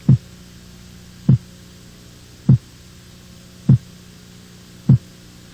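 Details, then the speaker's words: Normal second heart sound (S2) from aortic and pulmonary valve closure, higher-pitched and shorter than S1: five short, regular single heart sounds at about 50 a minute over a steady hum. "Corresponde ao fechamento das válvulas aórtica e pulmonar. O som da segunda bulha é mais agudo e sua duração é menor quando comparada à primeira bulha."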